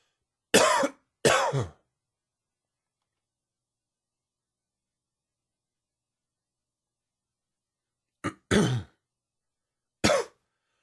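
Five short, harsh cough bursts in two clusters separated by silence; an allergy-triggered coughing fit.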